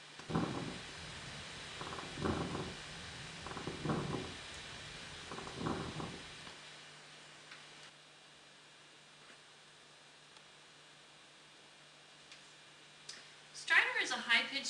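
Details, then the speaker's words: Stethoscope recording from a 9-year-old boy: four noisy breaths carrying coarse crackles, attributed to sudden reinflation of groups of alveoli, fitting pneumonia; lung crackles. "the crackles are caused by the sudden reinflation of groups of avioli note where you hear the crackling and whether it's mild moderate or severe here is an example of crackles heard on a 9-year-old boy with"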